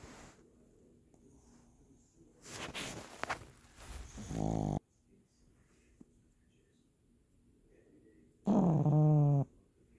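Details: A pug puppy snoring.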